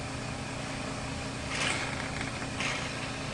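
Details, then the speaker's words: Running portable suction unit, steady motor hum with brief hissing surges as the thumb covers the catheter opening to test suction in normal saline before suctioning a tracheostomy patient. "with the thumb of my non-dominant hand i will cover the opening of the suction catheter and that is what applies to suction"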